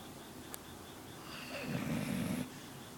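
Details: Sleeping dog: one rough, fluttering breath sound over steady room noise; snoring.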